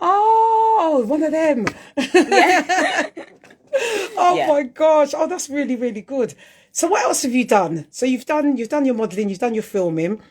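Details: Adult speaker; normal speech.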